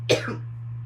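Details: A single short cough burst over a steady low electrical hum, from an adult with COVID-19 on day 2–3 of symptoms, bringing up phlegm.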